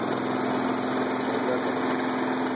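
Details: High-frequency chest wall oscillation vest for airway clearance, constant droning hum with fast vibration at a higher setting; run in five-minute cycles with huff coughs between, pressure 6, frequency raised from 16 to 20; wheezes noted.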